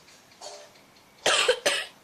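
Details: Child coughing: a faint sound, then two short, sharp cough bursts in a quiet room.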